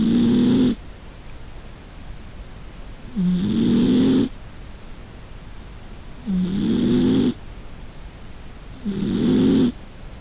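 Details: Sleeping pet cat, owner suspects obesity, snoring measured with a noise meter; loud, rough, buzzing bursts about four per ten seconds with quiet gaps: snoring.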